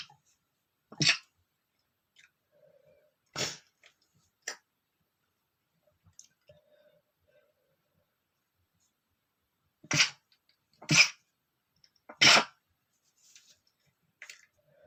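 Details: Adult male stifled sneezes: about six short, sharp, muffled bursts of air with little voice, held back with the mouth closed.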